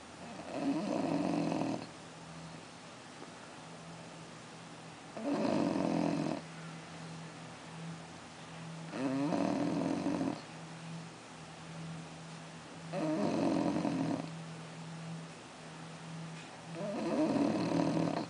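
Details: A 6-month-old bulldog snores loudly and rhythmically while sleeping, about 16 rattling snores a minute over a steady background hum; it snores about five times a day.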